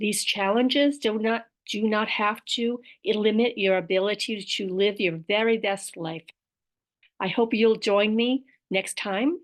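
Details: Aphasia with apraxia of speech, described as a motor planning disorder, in an adult woman.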